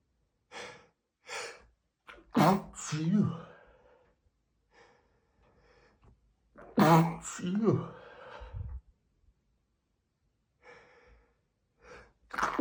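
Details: Male stifling sneezes triggered by dust while cleaning: quick catching inhalations, then two muffled, held-back sneezes with a short voiced burst each time.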